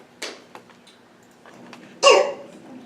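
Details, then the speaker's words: Child with croup: two harsh, barking cough bursts with faint stridor (noisy breathing) between. "so here is a croupy cough with some Strider and this is kind of just what it sounds like when you hear it enough you'll be able to hear it"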